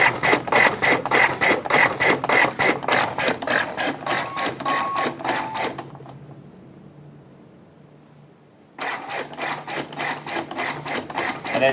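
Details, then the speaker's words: A LUCAS mechanical CPR device is demonstrated in training in 30:2 mode for a non-intubated patient. Fast, steady thumping at about 100 a minute pauses after 30 compressions for two breaths, then resumes. "so i'll show you what that looks like by hitting that button it'll count out 30 compressions the light will come on you'll hear a tone and then it'll pause just long enough for two breaths and then start back"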